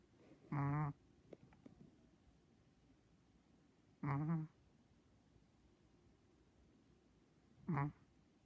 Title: SNORING CHIHUAHUA - SO FUNNY